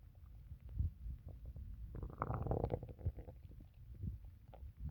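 Low, irregular gurgles and rumbles with a louder bubbling burst midway: ordinary stomach noises (borborygmi) after drinking water.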